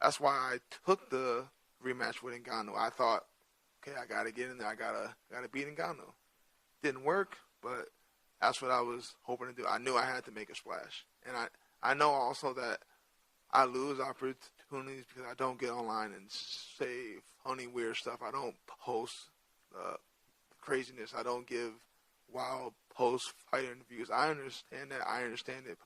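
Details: Adult male with stuttering present since childhood, which he says is hereditary (his father also has a speech impediment) and not caused by CTE.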